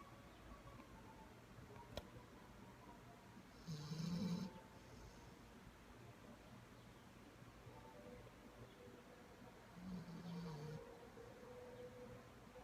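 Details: Sleeping Labrador dog: quiet room with two soft, low snorting snores several seconds apart; snoring.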